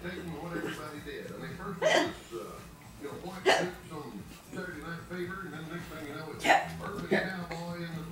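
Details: Grandmother's loud hiccups at the dinner table, which a 7-month-old baby girl tries to mimic: four sharp hiccups spaced a second or more apart, with quiet talk and room sounds between them.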